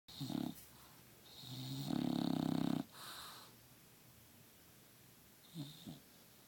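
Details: Sleeping bulldog snoring with loud, buzzing, fluttering rasps on its breaths.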